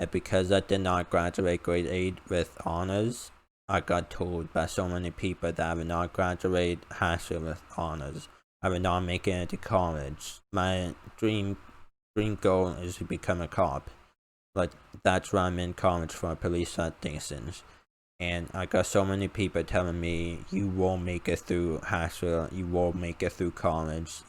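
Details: Male speaker with an uncontrollable speech impediment, improved after about 10 years of speech therapy, formerly relied on an iPad button talking device, unused for almost three years; speech impediment (articulation disorder).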